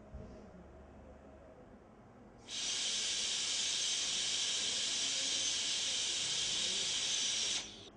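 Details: High-speed dental handpiece on a molar PFM crown preparation, cutting lingual reduction grooves and connecting them to the interproximal finish margin; high-pitched steady hissing whine for about five seconds while cutting tooth.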